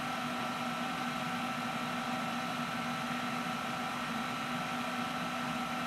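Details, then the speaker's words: OSM100100 freezing point osmometer calibrating with a 500 osmolality standard, cooling the sample to its freezing point: steady mechanical hum with a faint whine. "click Start to start the calibration this will quickly get down to freezing point and then we'll let us know once the calibration is completed"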